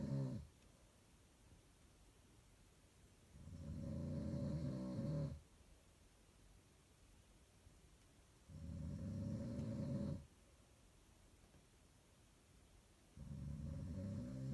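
Three low, rumbling snores separated by quiet pauses, about 12 breaths a minute.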